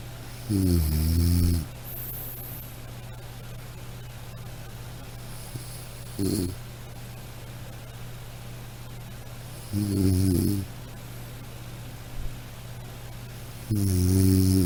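Low rumbling snores at irregular intervals, about 15 a minute, over steady room hum.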